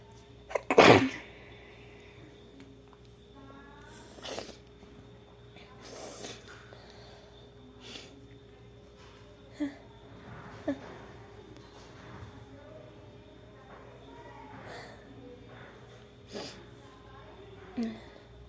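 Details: Acted sneeze in a role-play ("boyfriend took care of me sick"): one loud sneeze, then quiet sniffles and soft breathy sounds over a steady hum; sneezing.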